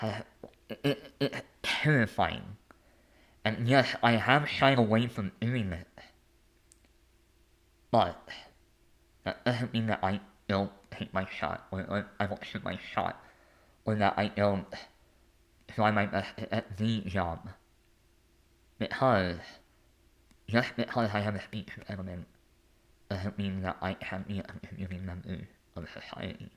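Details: Adult male with a lifelong speech impediment; stutter-like disfluency.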